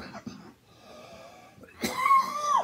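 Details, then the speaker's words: Adult who is ill and has lost their voice: soft wheezy inhalation then one harsh cough with a high whistling tone, a dry whistle cough bringing nothing up, after running out of a chest decongestant. "i hate when i hear that whistle cough because of me nothing came up"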